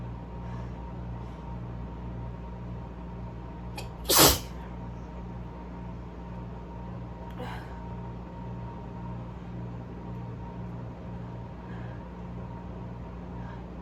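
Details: Allergy sneezing fit with arms held above/behind the head: one sharp, loud sneeze burst with a fainter second one later, over a steady hum.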